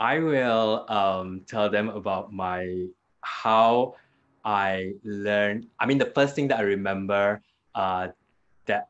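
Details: Adult man with aphasia after a hemorrhagic stroke 2 years ago; it was initially severe, with no speech in the first week, and he still struggles to complete sentences and gets stuck on basic words; improved with speech therapy; aphasia.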